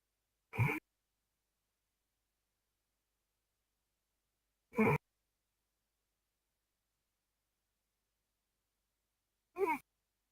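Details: Loud nighttime snoring: three short, harsh, rasping snores about 4–5 seconds apart, roughly 14 per minute, with silence between.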